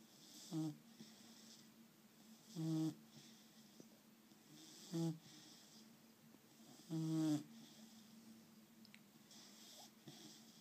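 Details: Short buzzing snores, four in ten seconds (about 25 a minute), over a steady room hum; ordinary snoring.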